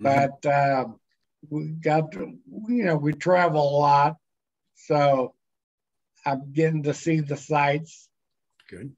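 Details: Dysarthria in a man with multiple system atrophy, cerebellar type, diagnosed in 2017; progression over the past year mainly in his speech.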